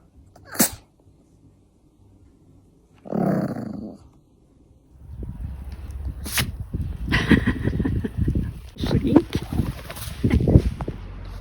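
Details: A 2-year-old male Pomeranian dog sneezing: sharp nasal sneezes among snorting and playful grunts, with people talking in the background.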